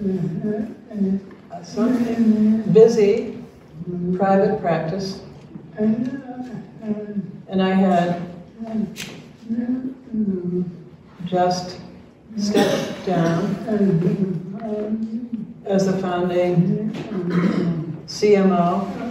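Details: Adult man, retired pediatrician diagnosed with ALS in late 2021, whose speech changed since onset; neurologic jaw clonus causes jaw trembling; real patient; dysarthria (ALS).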